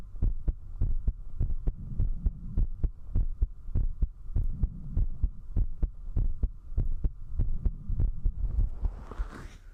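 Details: Rapid heartbeat (tachycardia) during drinking alcohol, recorded with a 3Dio binaural microphone at zero distance: strong, regular, deep beats at about 100 a minute over steady hum, rustling at the end.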